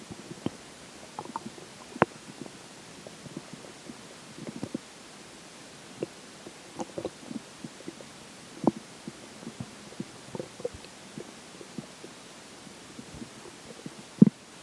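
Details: Stomach growling during digestion after McDonald's for lunch and a slice of pizza for breakfast: frequent irregular gurgles and short rumbles from the belly, normal bowel sounds.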